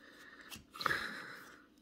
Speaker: you could hear the dog snoring order